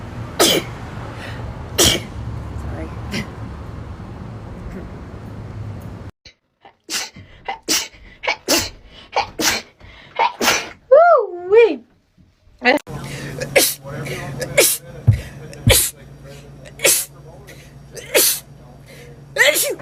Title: TikTok Rapid Sneezing Compilation